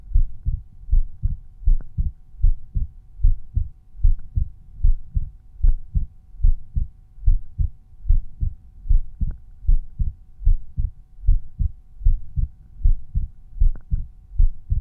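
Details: Steady, regular lub-dub resting heartbeat at about 75 a minute, heard at Erb's point; normal heart sounds.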